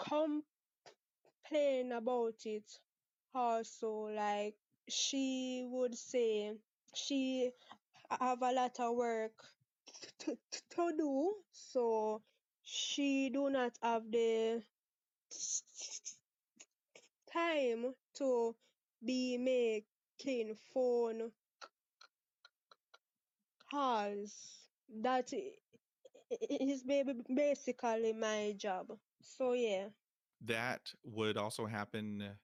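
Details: Stuttering in a 23-year-old woman from Jamaica, present since about age six; father and sister also stutter; never had speech therapy; part-word and whole-word repetitions audible.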